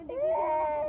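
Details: A young child gives a short, steady wailing cry while crying for a balloon.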